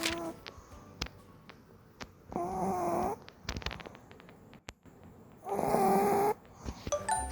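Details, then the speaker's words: Sleeping pug, a brachycephalic breed that breathes audibly through the nose and may have sleep apnea: two long, loud, rattling snores typical of its obstructed upper airway. "So you can always hear them breathing through the nose. Some pugs actually suffer from sleep apnea."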